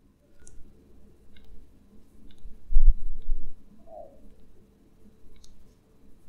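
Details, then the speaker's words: Left knee, straightening from deep flexion (about 70 degrees): about five sharp, faint clicks over low limb-movement rumble; clicks persist even with kneecap manipulation, absent with passive strap-assisted straightening: knee crepitus (clicking). "I'm still getting clicking there's still some something going on there that's producing the clicks"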